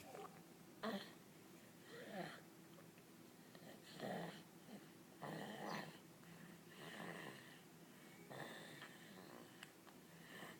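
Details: Pax snoring after falling asleep: irregular snorting breath noises with a whistly edge, about 19 a minute, in a quiet room.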